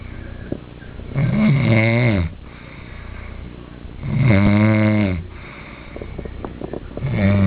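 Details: A sleeping person, recorded by someone else, gives loud, rumbling, vibrating snores on each inhalation, about 20 a minute, with quiet exhalations between: snoring.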